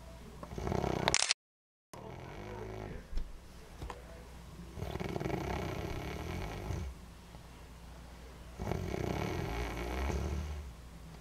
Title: Guess who Snores.mov